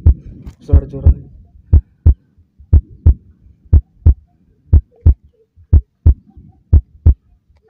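Steady lub-dub heartbeat through a stethoscope, about 60 beats a minute, regular and clean.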